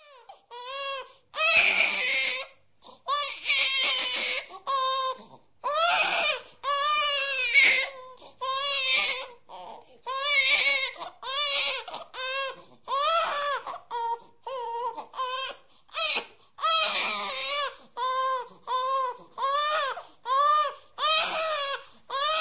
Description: This is the sound effect of a baby crying.